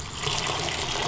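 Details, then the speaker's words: Saline rushing loudly and continuously through an Arrow 8.5 French large bore sheath side port under 300 mmHg from a Ranger rapid infuser, in a flow-rate test timing 1 litre. "you can see that's uh look like a d that's really pouring out though"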